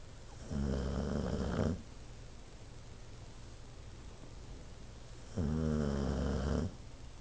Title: Toby Snoring